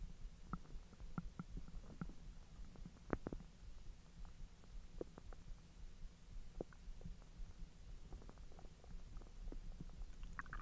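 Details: Belly recorded after eating hotdogs following 10 hours of an empty stomach: soft, irregular gurgles and faint clicks over a low rumble, normal digestive bowel sounds (borborygmi).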